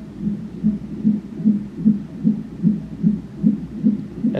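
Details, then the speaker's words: Fetal heartbeat on Doppler monitor at 29 weeks of pregnancy during a labor and delivery visit for tightening and pain: rapid, regular whooshing at about 150 beats a minute with a brief, very fast jump in rate; fetal heart rate acceleration. "he ended up doing backflips like a very fast jump in his heart rate"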